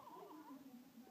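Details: A newborn's first cry: a brief, thin, falling wail, faint against room noise. An ordinary newborn cry.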